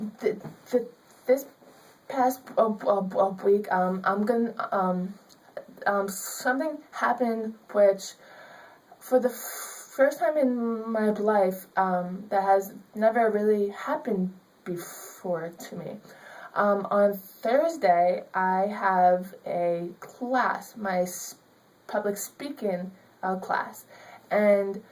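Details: Young woman with stuttering, a student who stutters; she was told she could only get a C in her public speaking class because of her speech.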